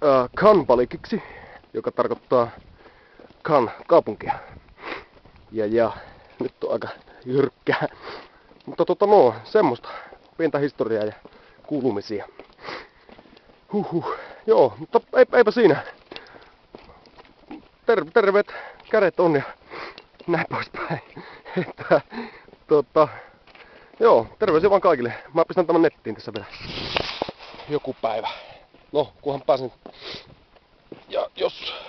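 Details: Adult man who stammers, speaking Finnish outdoors while on the Great Wall of China; stuttering.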